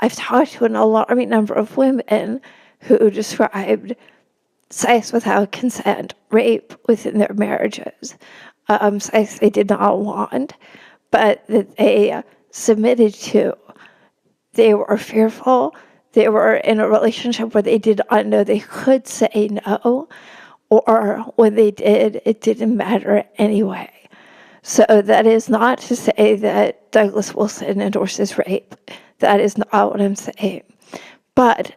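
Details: Real adult woman with spasmodic dysphonia; spasmodic dysphonia.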